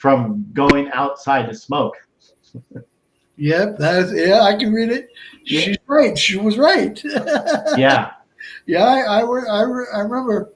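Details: Adult man, about 57, with Broca's aphasia since a stroke on March 22, 2011 at age 46, more than 8 years earlier; also a heart transplant recipient; limited speech with effortful word finding, verbs harder than nouns; Broca's aphasia.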